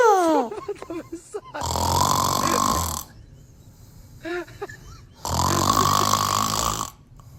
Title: LA SOLUTION POUR ARRÊTER LES RONFLEMENTS. ÇA MARCHE VRAIMENT 😳 THE SOLUTION TO STOP SNORING #matifa